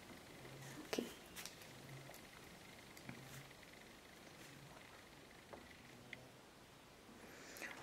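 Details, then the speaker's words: A resting dog snoring in the room. "entend le chien ronfler. Voilà. Mais bien. Ah ouais, il se repose."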